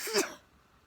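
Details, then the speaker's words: A single unexpected adult sneeze outdoors at night: a short, sharp burst of breathy, hissing noise with a brief voiced start, then quiet. "oh no i'm not snazzy i'm just spitting out my mouth because i unexpected sneeze"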